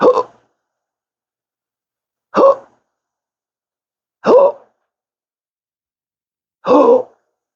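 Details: Persistent hiccups in a person with a rare condition since December 2015 after surgery with multiple nerve damage, including the pudendal nerve, with 12-hour daily episodes that worsen with talking: four sharp voiced hiccups at uneven intervals, about 25 a minute.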